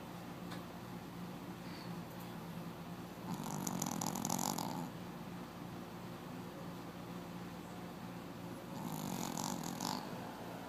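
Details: Snoring: two long, rough, noisy breaths about five seconds apart over a steady room hum.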